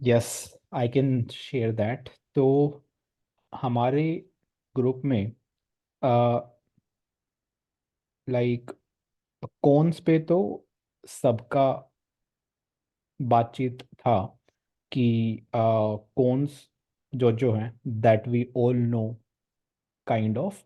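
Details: Male participant in a stammering practice group who describes himself as someone who avoids stammering. Finding: stuttering.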